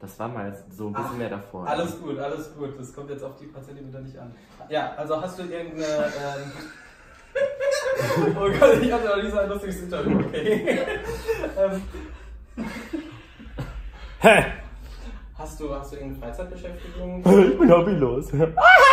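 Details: Adult speaker; no disorder (interviewer).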